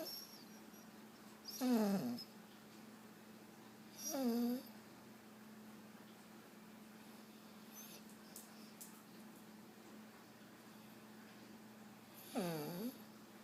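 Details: A sleeping dog: three rough, nasal snoring breaths with long quiet gaps over a steady hum; snoring.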